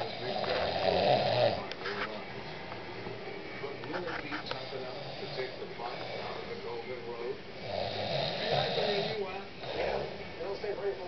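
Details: Loud rattling snores with quieter breathing between them, about four snore episodes in eleven seconds: ordinary snoring from vibrating upper-airway tissue during sleep.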